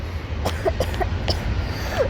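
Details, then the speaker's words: Person filming trains during a coughing fit: quick run of about four sharp coughs over steady low rumble of train noise; cough. "I sincerely apologize for what you are about to hear for the rest of the"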